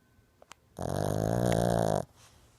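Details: Sleeping Shih Tzu dog snoring: a single long, loud, buzzing rattle on one breath, lasting just over a second.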